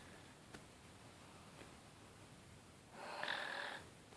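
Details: A quiet room, then a single harsh, rasping snore under a second with a slight whistle, from a sleeping person recorded by their dad.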